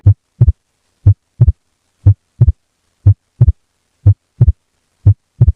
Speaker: listen carefully the first heart sound go insides with the carroted pulse felt on the right side of the neck the second one comes immediately afterwards it should sound something like this